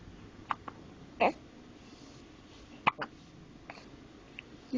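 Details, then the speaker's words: 4-month-old infant with hiccups, not eased by burping and refusing milk: several short, abrupt gulping sounds at irregular intervals over quiet room noise; infant hiccups. "here anthony with the hickup anthy how do we how do we take up your you don't want to drink milk i tried burping you nothing"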